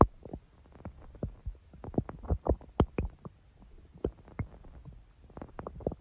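Irregular bubbling, gurgling rumbles from the belly in quick clusters: ordinary stomach growling from gas and fluid moving through the gut.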